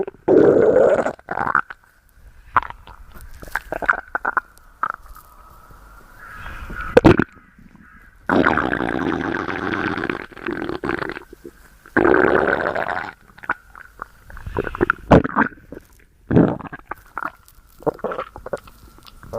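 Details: Loud stomach growling: irregular gurgling and rumbling from the belly, normal bowel sounds (borborygmi).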